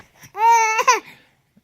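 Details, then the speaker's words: Toddler boy faking a cough because his big sister has a cold: one short, voiced, imitated cough-like sound with no real illness behind it. "but this little man thinks he has a cough so we're going to see if we can catch him coughing"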